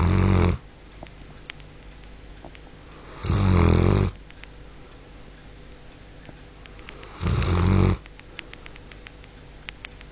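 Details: Three loud, low rumbling snores on the breaths in, about every four seconds (roughly 16 breaths a minute), with quiet room sound between: a sleeping Bull Arab dog snoring.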